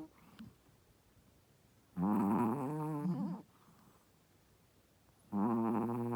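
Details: Pregnant Shih Tzu, a first-time mother, snoring while asleep: two loud, tonal, rattling breath noises about three seconds apart, with quiet between them.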